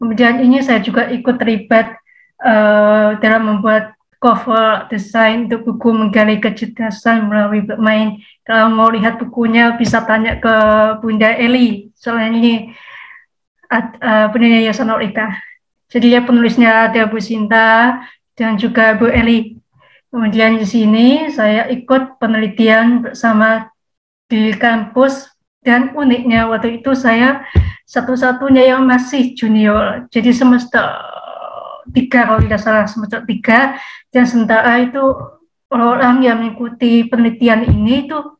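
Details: Speech of a 27-year-old woman with profound hearing loss (100 dB left, 110 dB right) who received a cochlear implant at age 3 and auditory-verbal therapy; she says her speech became less clear when she stopped practising.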